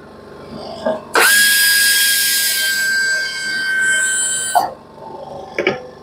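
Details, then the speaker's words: A portable dental unit demonstration: the air rotor (high-speed dental handpiece) gives a high-pitched steady whine for about three and a half seconds, then stops; the handpiece is running normally. "attach the air rotor and you can use B point for the low speed hand piece or you can use both points for the air rotors and you can attach this state or cangle with this so now I'll show you the working"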